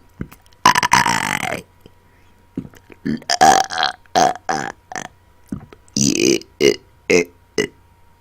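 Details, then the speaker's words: Deliberate burping on command: about a dozen loud voiced belches, some drawn out and shaped like words (burp-talking "hater"), in a quiet room; burping. "I learned how to burp talk a new word let me try hey can y'all tell what there was I was saying hater"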